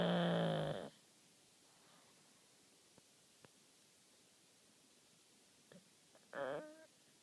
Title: Snoring ....... Seriously !!!!